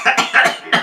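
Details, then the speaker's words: A quick bout of four or five short, harsh coughs from an adult in a small room; a companion remarks that some phlegm seems caught in the throat; cough. "I think you got some phlegm caught in there."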